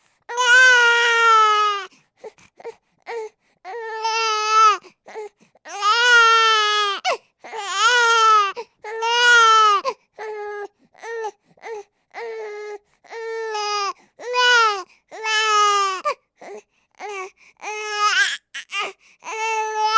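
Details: Recorded sound sample of a crying baby: loud, rhythmic infant wails in repeated bursts with short catch-breaths between them, ordinary infant crying.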